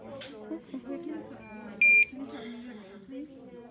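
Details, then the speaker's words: Single short electronic beep from a morphine IV PCA pump (1 mg dose, 5-minute lockout) as it powers on before programming in a simulated nursing demonstration, with quiet speech in a small room. "so now i have my pca key the code on the back i can start to program my pump here so we're going to turn it on um"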